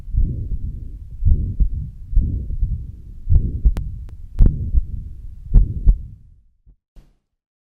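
Low heart sounds around 55 a minute, each systole filled by a long blowing murmur: pansystolic murmur of mitral regurgitation; brief unrelated sound at the end.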